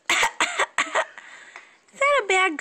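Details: A child's bad cough: a fit of four quick, harsh coughs, then a wheezy breath in and a whimpering cry.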